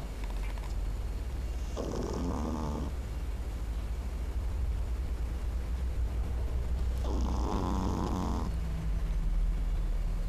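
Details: Tiny female sleeve Pekingese dog snoring: two loud, rattling snores, each about a second long, over a steady low room hum.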